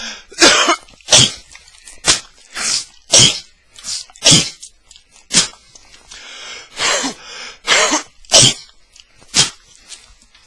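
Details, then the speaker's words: Adult man coughing while recording; about ten separate harsh coughs in ten seconds, some single and some paired, close to the microphone in a quiet room; cough. "sorry, dude. I've got a trash bag of fucking tissues. Because I cough, okay?"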